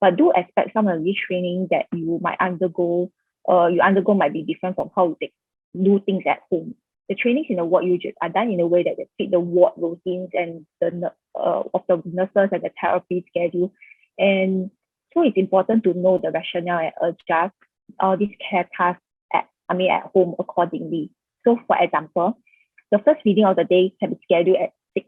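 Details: Adult woman speaking; Typical speech.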